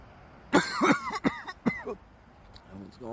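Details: Adult man gives three loud, harsh, partly voiced coughs in quick succession, the first drawn out; a short bout of coughing.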